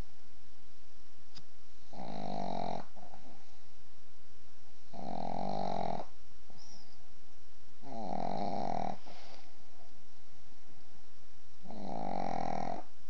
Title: One minute of pug snores.